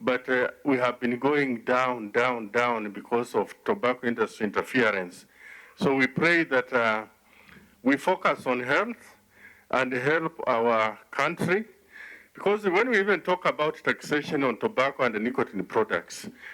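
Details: 69-year-old man who survived smoking-related throat cancer and had his voice removed, speaking with an electrolarynx device held to the throat: electrolarynx speech after laryngectomy.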